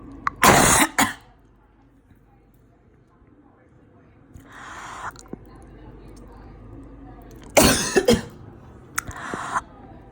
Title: Tonsil stone search every night even though it can make you cough.